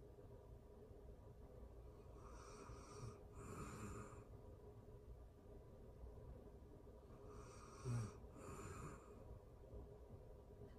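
Soft, rhythmic snoring: two breathy, rattling breath pairs about five seconds apart over faint room noise, ordinary sleep breathing.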